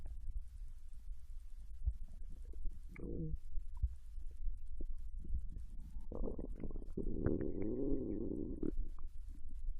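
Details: Normal bowel sounds recorded from a Japanese girl lying on her side in bed while digesting ramen: low gurgles and a longer rumbling growl over a steady low hum, ordinary digestion after a meal.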